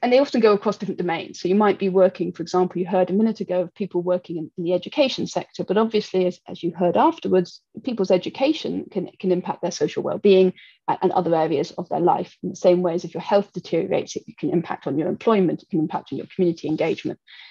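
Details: Adult speaker; typical speech.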